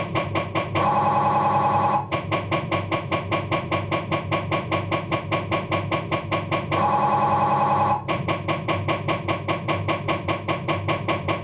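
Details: Abdominal MRI on a Philips 1.5T scanner: loud rapid mechanical knocking at about 150 a minute, broken by sustained buzzing tones, MRI scanner noise, possibly a diffusion sequence.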